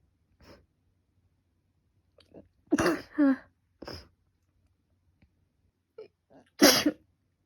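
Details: Short catching breaths, then a few forceful voiced sneezes in a quiet room, from a person with a cold, allergic rhinitis, runny and stuffy nose, and five days of fever; repeated sneezing.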